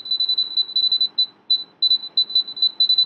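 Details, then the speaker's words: Apex locator audible signal during root canal treatment of maxillary first molar (tooth 26), mesiobuccal canal: rapid high-pitched electronic beeping in bursts as the rotary file enters the green apex zone. "you can see the Apex locator visually entering the green zone and also the sound once it enters the green zone I'm going to stop"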